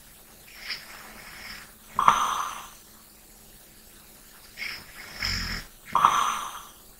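Two slow sleep breath cycles, each with a soft rattling snore on the in-breath and a quieter breath out; ordinary snoring.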